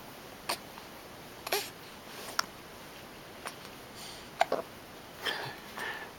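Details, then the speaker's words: Baby with hiccups, and some gas: soft, brief, sharp hiccup catches repeating every second or so in a quiet room. "I got the hiccups now. Yeah. What are you doing, Got the little hiccups man? and some gas."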